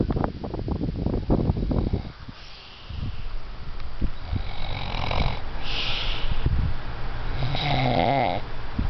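Low rumbling, rattling breath noise in a sleeper with some snorting; snoring.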